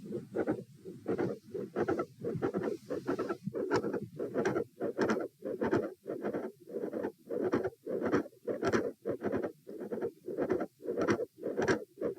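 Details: Rapid, scratchy heartbeats near 98 a minute with a mid-systolic click and a fixed split S2, at auscultation position A in a repeated stress test with lying, sitting, and standing phases.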